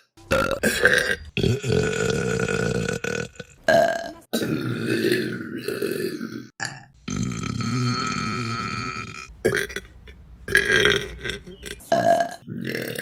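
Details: A series of loud, long, rumbling voiced belches with brief pauses between them: repeated burping.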